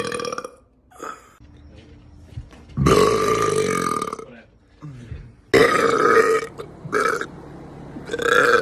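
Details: A run of loud, drawn-out belches with short pauses between them; repeated burping.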